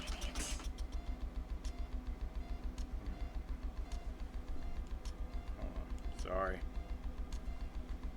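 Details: Rapid, steady low pulsing with faint beeps and keypresses from a neonatal high-frequency jet ventilator being set up in tandem with a conventional ventilator, after its self-test, at rate 420 while PIP builds to 20 before use on a baby.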